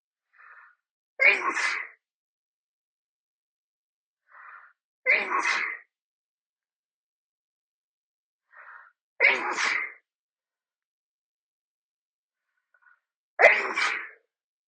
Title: loud after shower sneeze (F)